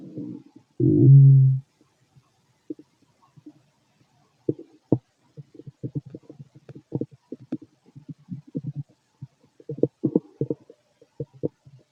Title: Male stomach noise, digesting food. Guess what's inside?